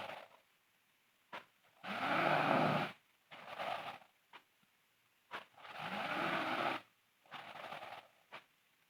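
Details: A sleeping girl snores loudly and roughly on each in-breath, with softer rattling out-breaths, about 15 breaths a minute: loud snoring.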